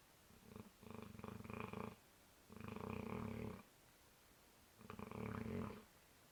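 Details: Bernese Mountain Dog snoring loudly in sleep, loud enough to wake the house: three long, rough, rattling snores in about six seconds with short pauses.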